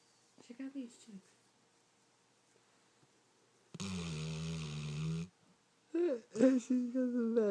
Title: Funny dog snoring